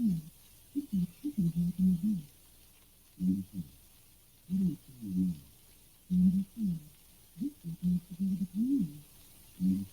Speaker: once more and this time we are removing more frequencies so that we are simulating speech as it is heard by someone with a severe hearing loss or in other words someone with sensitivity to sound only in an extremely narrow range in the lower frequencies you will find speech is now almost totally unintelligible